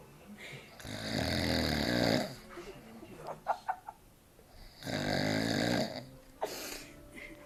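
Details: Drunk father asleep after too much beer: two long, loud, rattling snores on inhalation, with quieter breaths and faint clicks between them; heavy snoring.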